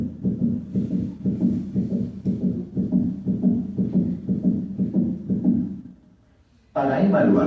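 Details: Teaching recording at the mitral valve area at 120 beats per minute: fast, regular heartbeat with an extra click in mid-systole, a mid-systolic click.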